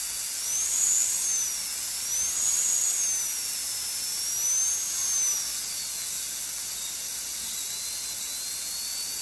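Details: Steady high-pitched high-speed dental drill whine, pitch shifting slightly under varying load, during a Class II interproximal cavity preparation under rubber dam, forming the proximal box and occlusal dovetail.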